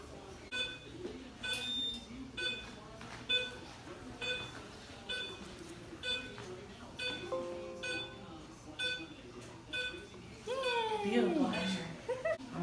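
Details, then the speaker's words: Veterinary dental X-ray with the sensor parallel to the mandibular molars (parallel technique): short electronic beeps against quiet room noise as the unit signals its exposure. "alright so I'm gonna press the button and once it beeps let go"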